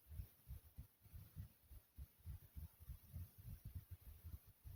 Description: In this video my heartbeat is smooth and soothing.